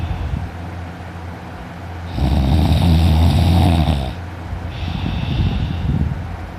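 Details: Loud snoring in a sleeping person who woke with a sore throat: a loud, rough, rattling inspiratory snore, then a softer one, against steady low room hum.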